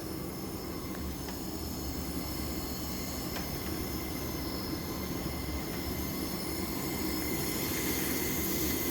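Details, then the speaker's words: Improvised simple mask CPAP set-up for COVID-19 with PEEP measured at different flow rates. At an oxygen flow of 5, PEEP is just under 5; the device gives a continuous loud hissing rush with a faint high whistle. "So running this at 5 is going to show, so we about have 5 of PEEP there, a little bit less."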